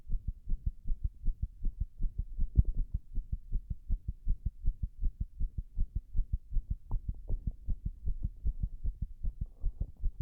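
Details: Heart sounds recorded after six minutes of wall-standing pressure: quick, dull heartbeats with uneven spacing and a few louder beats; irregular heart rhythm, arrhythmia.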